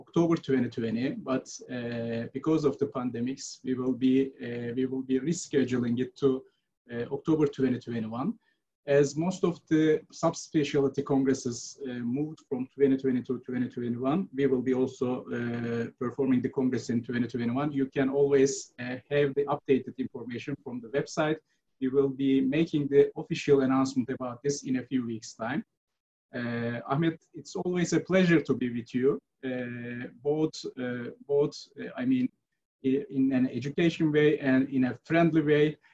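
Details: Adult male speaker; normal speech.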